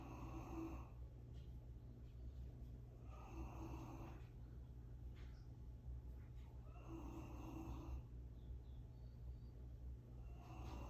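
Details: Dog snoring outdoors on grass: soft, faint snores about every three seconds behind a steady outdoor rumble.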